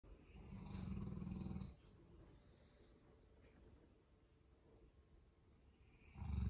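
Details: Boerboel dog sleeping in on a Monday morning, with deep, low rumbling snores on the in-breath, a quieter pause, then the next snore; snoring.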